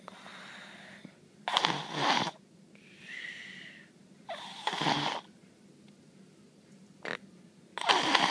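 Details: Snorting, whistly snores with noisy, irregular breathing from a sleeping baby; snoring.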